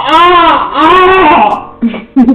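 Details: A baby who cannot fall asleep because the father is snoring loudly gives loud, tonal wails with rising and falling pitch, then short sobs: typical infant cry.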